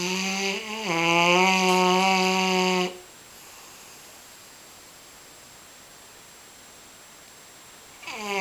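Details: Large dog asleep, said to snore constantly; a long, loud, tonal snore lasting about two seconds, then quiet, with another snore starting at the end: dog snoring.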